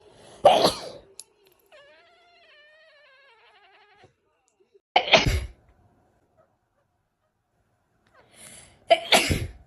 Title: One sneeze sent my cat flying 😂😂 #foryou #funny #pets #anmals #cat#startled #fyp#foryou